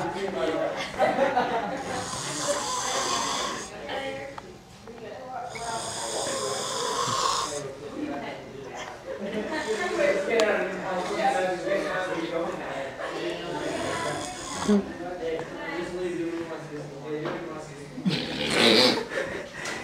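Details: Man snoring: repeated harsh, noisy snores on breathing in, over background talk and music; loud snoring.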